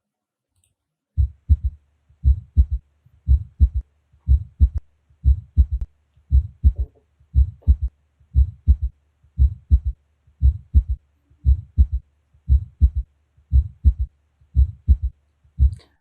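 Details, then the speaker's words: Teaching example of a third heart sound (B3): regular low heart sounds at about 58 a minute with a soft extra thud immediately after the second sound, early diastolic. "Aumente o volume do seu fã e vamos escutar B3 o ruído que aparece imediatamente depois da B2"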